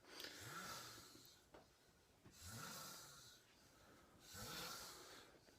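Three slow, rasping snores with airy breaths between, about 30 a minute; ordinary snoring.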